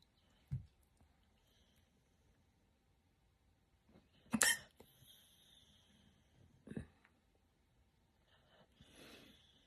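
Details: Three separate abrupt hiccups over about six seconds in a quiet room, followed by a soft breath; hiccups.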